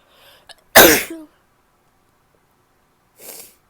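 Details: Female sneeze: a brief catch of breath, then one loud, wet, explosive sneeze with a short trailing noise; a few seconds later a softer sniff or nose blow.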